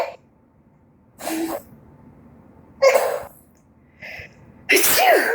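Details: Sneezing that someone finds funny: several sharp, explosive sneeze-like bursts separated by quiet gaps, ending with a higher-pitched vocal sound, possibly a child's laugh.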